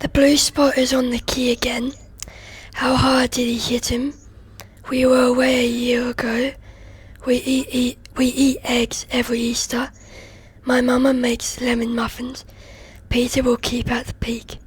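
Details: Real past patient, a female child; dysphonia (rough, breathy voice).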